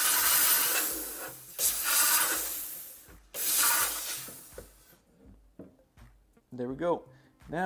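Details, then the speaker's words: Dental lab steamer blasting wax off a Hawley orthodontic appliance with anterior finger springs being made to close a diastema: about three loud hissing steam bursts, then quieter clatter and a brief voice. "so this is my steamer uh and I use it to steam off the wax"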